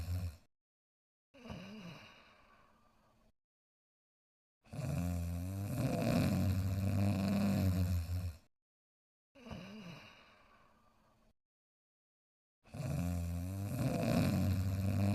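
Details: Cartoon dog character sleeping and snoring softly: rumbling snore on each breath in, then a softer whistling breath out, repeated twice; regular cartoon snoring.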